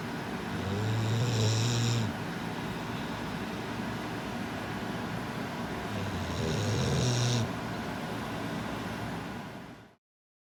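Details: Low, buzzing snores on the in-breath from a sleeping puppy, slow and spaced apart, over steady background noise; ordinary sleep snoring.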